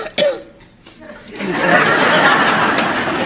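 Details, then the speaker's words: Adult woman on a studio game show gives a single sharp cough or throat-clearing burst while clearing her throat, followed by rising studio audience noise and laughter. "you coughed right in the middle of my bre she was just cleaning she was cleaning her throat out"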